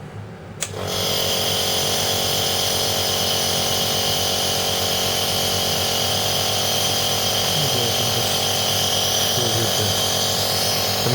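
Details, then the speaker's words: Steady, loud mechanical hum and hiss as a Philips Respironics compressor nebulizer is switched on and runs continuously with visible mist, in a demonstration of nebulizer use for asthma and COPD; compressor nebulizer running. "now I will try I will just turn the nebulizer on and I don't know whether you can see a mist of air coming out you can literally see Vapors coming out of the"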